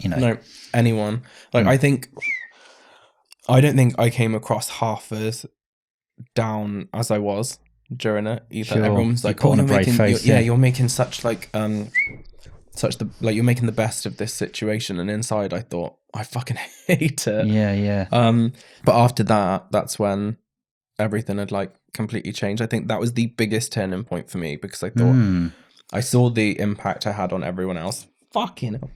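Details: Man aged 31 with Tourette syndrome diagnosed in his mid-20s after illness, brain swelling and brain damage, with mild tics such as double blinking as a child and a later-developed stammer; vocal tics.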